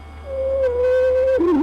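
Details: Stridor in a child with shortness of breath, given as a teaching example of abnormal breath sounds.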